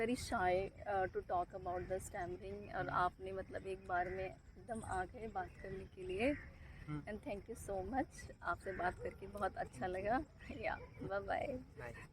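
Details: Adult speaker; normal speech.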